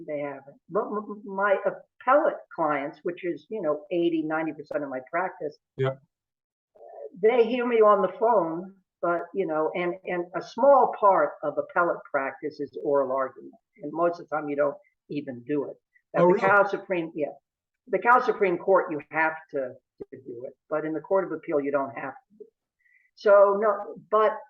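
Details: Adult male lawyer who has stuttered since about age 2 or 3, with a family history of stuttering in his father and brother; stuttering.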